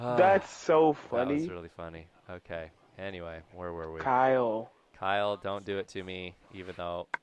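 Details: Adult male speaker; normal conversational speech.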